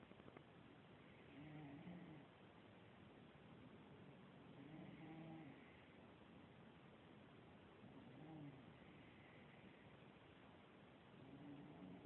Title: Snoring contest!!!! lol